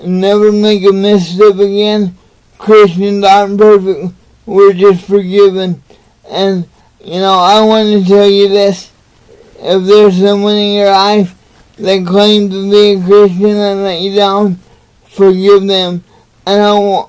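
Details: Adult man with cerebral palsy, motivational speaker, talking to camera; dysarthria (cerebral palsy).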